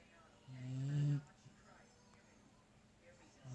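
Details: Sleeper: one low, rumbling snore on a breath, then quiet, then the start of another; ordinary snoring.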